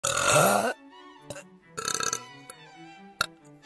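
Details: Girl's burp: one long, loud, voiced belch followed by quieter gurgling throat sounds over light background music; burping.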